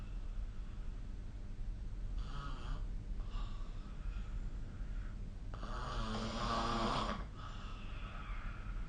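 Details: Snoring during sleep recorded with the SnoreLab phone app: two rough, rattling snores on breathing in over steady room noise.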